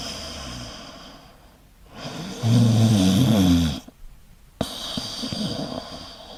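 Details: Snoring sound effect: a loud, rattling inhaled snore with a low fluttering buzz, then a quiet pause and softer breathing.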